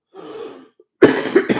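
A soft indrawn breath, then a loud harsh cough with two brief trailing bursts; an adult cough.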